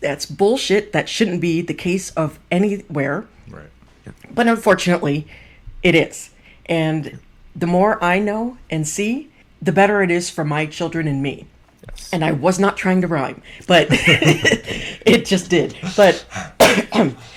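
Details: Adult speaker; typical speech.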